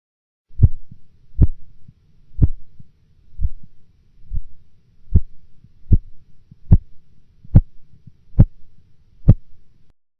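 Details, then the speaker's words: Blood pressure measurement: regular Korotkoff sounds heard from a systolic pressure of 162 mmHg, then absent for 4 mmHg before reappearing. This auscultatory gap risks underestimating systolic pressure. "In the following example, the systolic blood pressure will be heard at 162 millimeters of mercury, followed by an absence of sounds for 4 millimeters of mercury, after which they will reappear."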